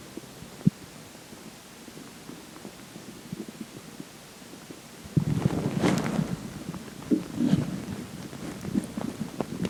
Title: more stomach growling